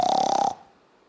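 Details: Snoring (imitated).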